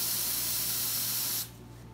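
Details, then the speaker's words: Vapocoolant cold spray on a nervous young woman's foot before a numbing injection for infected ingrown toenail removal: loud steady aerosol hiss for about a second and a half, then quiet. "cold spray"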